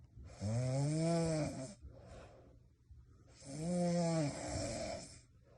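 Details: Snoring: two loud, tonal snores on breathing in, each with a rising and falling droning pitch, separated by a quieter breath out.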